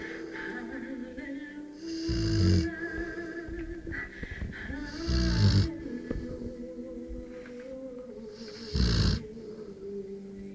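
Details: A sleeping Rottweiler snores like a pig: three loud, low, grunting snores about every three seconds, with soft music in the background.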